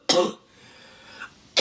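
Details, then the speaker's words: Harsh, loud barking cough burst, a quiet pause, then the start of another cough from a congested young woman with sniffles and cough for a couple of days, which she attributes to windy, dusty air. "so I thought I would cough for you I know you appreciate my coughs right"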